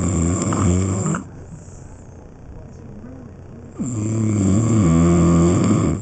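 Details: Very loud snorer recorded candidly while asleep: loud, rough, gurgling snoring with a choking, gargling quality, broken by a quieter pause of a few seconds before the next loud snore.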